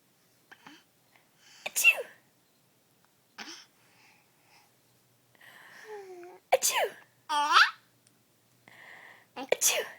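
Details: Mother's fake sneezes making an infant almost 7 months old laugh: several sharp sneeze bursts mixed with the child's voice, laughter and quiet breaths; repeated simulated sneezing.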